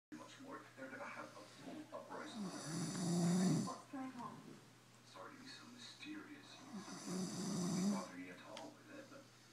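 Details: Person snoring: two loud, rattling inspiratory snores about four seconds apart, with quieter breathing between and a steady room hum. Snoring.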